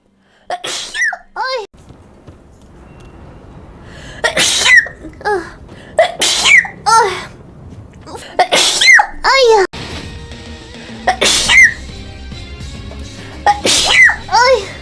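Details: Cute sneezing: repeated short, high-pitched sneezes, each with a quick intake before the burst, about six in fifteen seconds, with faint room noise.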